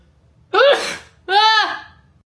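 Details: Two sharp, voiced sneezes in quick succession, each with a loud explosive release, from a young Asian woman in a sneezing competition; ordinary sneezing.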